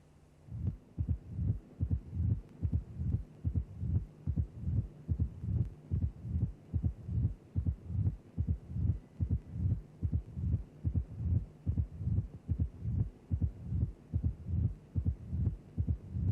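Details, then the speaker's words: Presystolic crescendo murmur of mitral stenosis; the stenosed mitral valve creates a left atrial to left ventricular pressure gradient while the valve is open, and the murmur follows that gradient. "Stenosis of the mitro valve gives rise to a gradient between the left atrial and left ventricular pressures when the mitro valve is open. The induced murmur follows the gradient"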